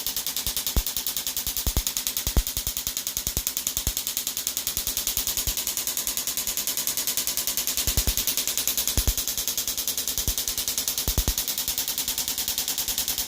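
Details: Shockwave (EPAT) therapy on a female patient with bilateral Achilles tendonitis, about 1,400 of 2,500 pulses per side; rapid steady rattle of pulses with a buzzy, fart-like quality from the machine's high frequency.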